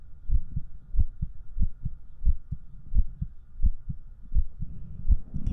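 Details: ASMR stream heartbeat recorded with a 3Dio binaural microphone: steady low paired thumps at about 80 beats a minute with a faint hum behind; heartbeat.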